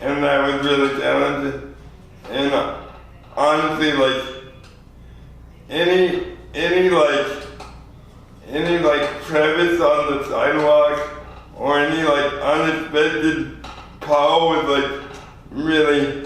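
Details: 24-year-old man with lifelong spastic quadriplegic cerebral palsy from premature birth at 2 lb 4 oz; spastic dysarthria (cerebral palsy).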